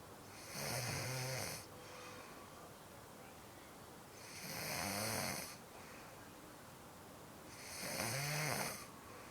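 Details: Snoring during sleep: three loud, harsh, vibrating snores on inhalation, about 17 a minute, with quieter breathing between.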